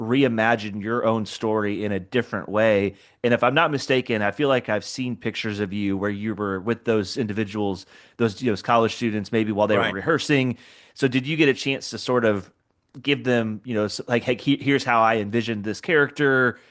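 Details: Adult male speaker; typical speech.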